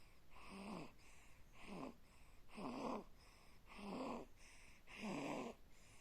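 Rhythmic rattling snores with each breath, five in six seconds, about 50 a minute, over steady room hiss; snoring during sleep.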